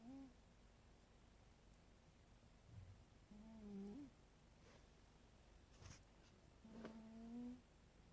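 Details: Cat fast asleep, snoring ("sawing off logs").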